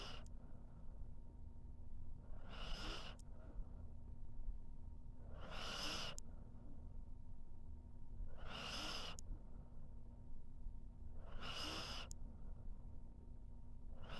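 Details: Sleeping dog: four soft, noisy breathing sounds about every three seconds, roughly 20 breaths a minute, over steady room hum; snoring.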